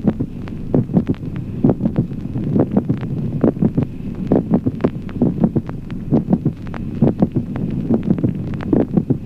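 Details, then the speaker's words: Teaching heart-sound recording: regular heart sounds near 67 a minute with a brief extra sound at about mid-systole, between the first and second sounds: mid-systolic click. "Ejemplo séptimo. Clic meso sistólico. aproximadamente en la mitad de la sístole, un ruido adicional breve."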